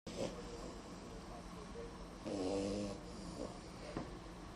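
Soft, rough snoring breaths with steady low background noise.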